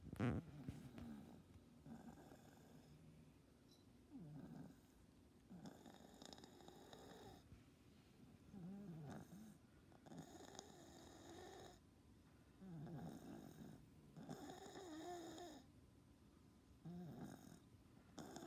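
Cat breathing with low, rattling snore-like noises on each breath, typical of stertor from the upper airway.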